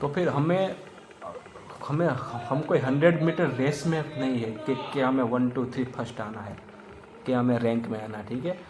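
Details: Adult male who identifies as a person who stammers, speaking Hindi; stammering (stuttering).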